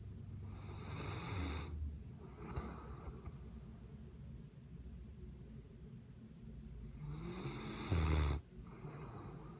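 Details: Slow, deep rattling snores from a sleeping mastiff dog, with a quiet gap between breaths; ordinary snoring.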